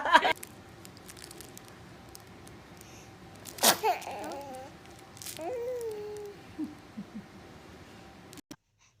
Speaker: baby is a dramatic sneezer check oh he caught it bless you yeah you like that